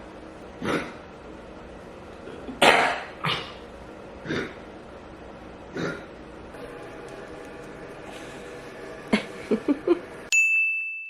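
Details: Puppy Freya, diagnosed by a vet with kennel cough after doggy daycare and on cough suppressant and antibiotics: a series of short, dry, hacking coughs and snorts; kennel cough.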